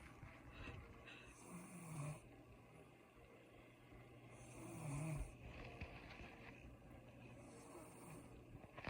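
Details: Faint, low rumbling snores from a sleeping adult woman, two clear ones, heard over steady room noise; snoring.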